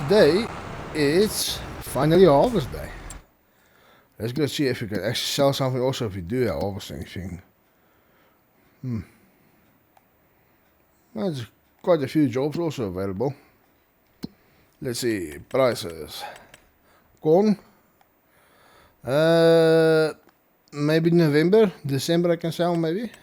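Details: Male speaker who stutters, reporting his stuttering is worse than usual after a triple ear infection over the past two weeks; stuttering.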